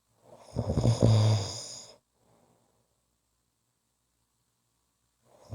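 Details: Ordinary snoring: one loud, rough, fluttering snore lasting about a second and a half, followed by silence.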